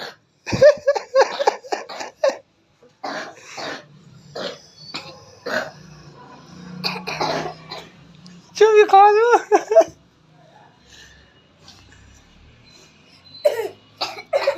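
A child gives a quick run of short, dry coughs, with a burst of voiced, laughing sounds between.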